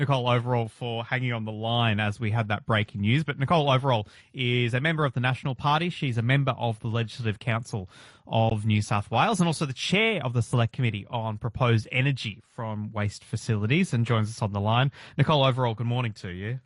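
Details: Adult male radio presenter; Normal speech.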